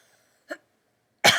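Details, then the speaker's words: Adult with allergies and a headache, recorded during a spoken quiz: a faint throat sound, then one sharp, harsh cough burst; cough. "yeah i apologize for all the coughing huh"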